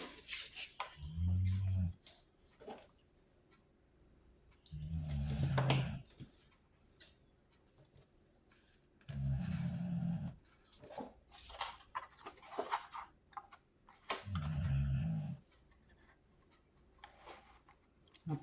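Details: A female dog snoring with low, rumbling snores about 13 times a minute under quiet paper-crafting noises.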